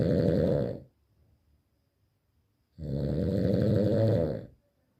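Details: Loud, rattling heavy snores with silent pauses between them, in a quiet room; snoring.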